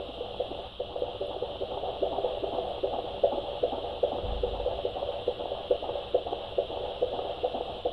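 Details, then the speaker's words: Fetal heartbeat of a baby boy on Doppler at 34 weeks, head engaged, baby moving, at a routine prenatal checkup: rapid, soft whooshing pulses at about 150 beats per minute, normal. "Mooi. 150 slagen per minuut ongeveer. Oké. Perfect."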